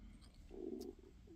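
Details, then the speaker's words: An adult crafter filming a crochet tutorial, who ate a snack beforehand to keep blood sugar up: a soft, low gurgling rumble swells briefly and fades. Stomach rumbling (borborygmi). "I do apologize if you can hear my tummy rumbling and grumbling and gurgling I did have a bit of a snack so that my blood sugar would be sufficient for the video so if you hear my tummy being disagreeable you you can tell him to shut up"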